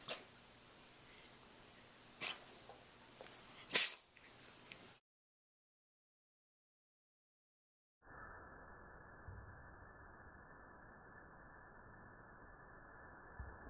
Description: Fred the cat has a sneezing attack!